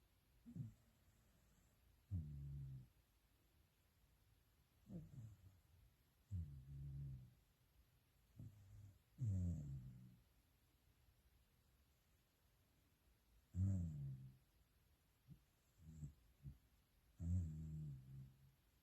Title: Sounds of a Snoring Corgi